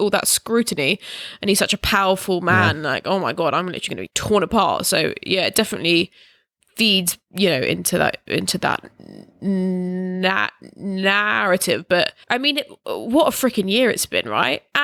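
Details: Stammering in an adult, in conversational speech.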